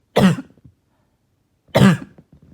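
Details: Barking, hacking cough heard all night: two harsh, hoarse coughs about a second and a half apart, each trailing into rattly breath.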